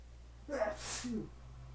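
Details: With pollen allergy (hay fever), sneezing nonstop one morning with high pollen and flowers nearby: a single forceful sneeze with a sharp inward gasp and an explosive burst.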